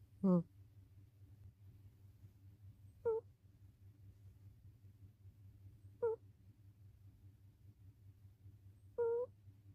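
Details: Cat snoring while asleep: four brief, high-pitched whistling snores ranging from low to high pitch, coming rhythmically about every three seconds, roughly 20 breaths a minute, over a low room hum.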